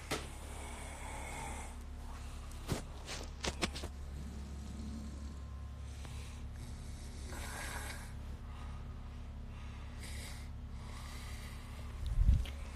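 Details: A sleeping adult man snoring at about 3:30 in the morning, described as not in deep sleep: soft, rough breathing noises recur every few seconds over a low room hum.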